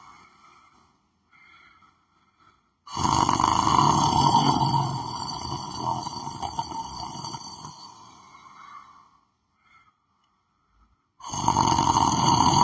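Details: Person lying on the floor asleep, snoring: a long, loud buzzing snore lasting several seconds, then a pause and another begins; steady tone over a rough low rumble.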